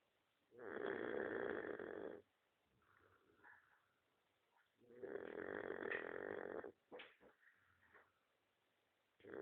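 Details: Dog snoring: two long, loud rumbling snores on the in-breath with quieter snuffles between them.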